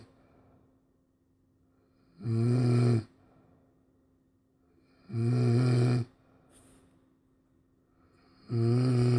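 Deep, buzzing snores on each breath in, roughly every three seconds over a low steady room hum: snoring.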